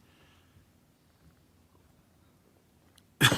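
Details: Adult health official coughing and drinking water during a televised COVID-19 briefing: after about three seconds of quiet room noise, one sudden loud cough.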